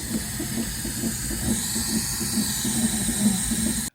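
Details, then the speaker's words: Hospital labor and delivery room, with a mother who has an epidural during an induction: a continuous airy hiss with a faint low rumble as unused oxygen flows freely from the wall outlet into the room; oxygen flow hiss. "And I noticed they started the oxygen going and it was just blowing into the room. It wasn't being used. We didn't ask for it."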